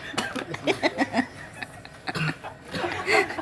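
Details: Learning to inhale from a vape until coughing: short, choppy irritant coughs mixed with laughter from people nearby; cough after vaping.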